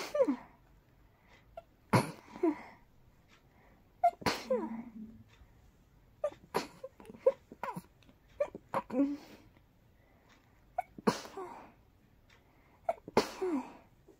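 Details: A person's very tickly, very rapid sneezes: a run of about seven sharp, rapid sneezes with brief catching breaths between them, in a quiet room; repeated sneezing.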